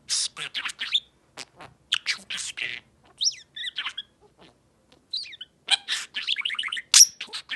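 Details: Small pet bird, possibly ill, gives a series of short, high, noisy cough-like bursts mixed with chirps and whistles.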